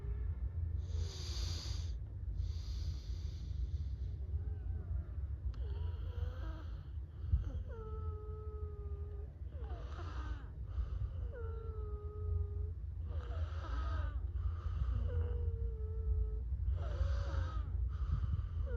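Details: Pneumatic sound: repeated hissing puffs alternate with high, steady whistling tones over a constant low rumble, giving a wheeze-like sound; wheezing.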